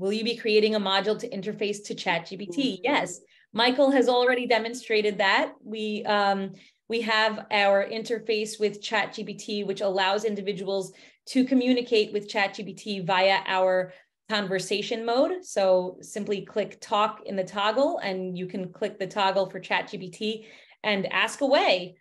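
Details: Adult woman speaking; no speech disorder.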